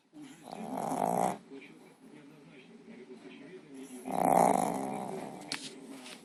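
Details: Snoring while the eyes are open: two loud, rough snoring breaths a few seconds apart, with faint background talk.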